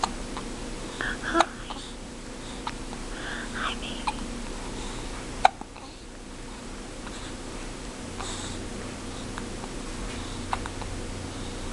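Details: Infant hiccups: brief, sharp hiccup sounds at irregular intervals in a quiet room.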